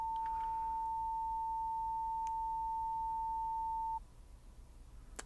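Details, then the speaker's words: Steady pure beep lasting about four seconds, then faint room noise: a 900 Hz pure-tone hearing test tone, the last in a rising series, played in a simulated ASMR roleplay hearing exam. "Just two more. Moving on to 800 hertz. Perfect. Okay. And finally, 900 hertz."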